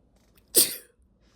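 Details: Induced sneeze in a female who is a long-time sneeze stifler and not usually sneezy: a single sharp, breathy sneeze burst lasting under half a second, in a quiet room.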